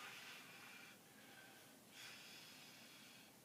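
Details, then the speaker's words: Simulated paramedic scenario, 72-year-old woman with emphysema in respiratory distress, barrel chest, accessory muscle use: imitated breathing with long hissing expirations and no respiratory pause, a prolonged expiratory phase indicating air trapping. "She has prolonged expiratory phase."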